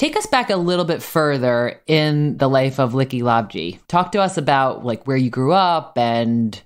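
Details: Adult male speaker; typical speech.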